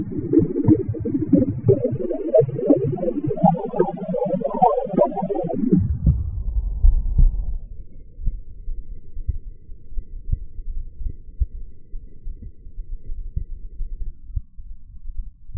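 Soft low heart thumps through a stethoscope at Erb's point, after a few seconds of tonal hum.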